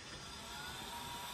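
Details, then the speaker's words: Blower-driven ventilator prototype running closed-loop pressure-controlled ventilation (PCV) into a test lung, with software control of PIP, plateau pressure, PEEP, I/E ratio and respiration rate: a steady mechanical whir with a faint high whine. "okay hello everyone this is our latest update on our blower driven design for the ventilator what we are demonstrating here is a closed loop feedback pressure controlled ventilation or PCV"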